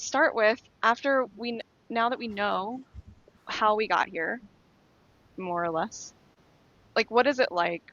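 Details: Adult woman speaking; normal speech.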